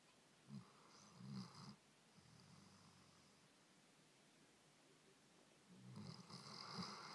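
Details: Faint snoring: soft, low snorting breaths in two bursts separated by several seconds of quiet.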